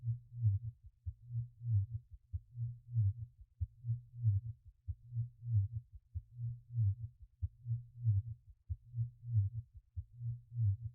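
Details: A heartbeat sound used in a subliminal dhikr audio track: steady, soft, low thumps in pairs at about 47 a minute, a slow, regular heartbeat.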